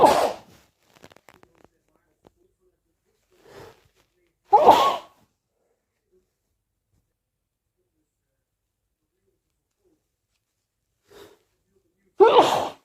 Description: announcing sneezes ft false starts sniffles and nose blows